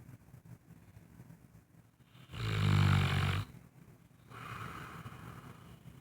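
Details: A sleeping Saint Bernard dog snoring: a single loud, low, rattling snore about a second long, with quieter breathing noise around it.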